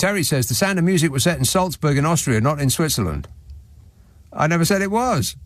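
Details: Adult male speaker, radio presenter; Normal fluent speech.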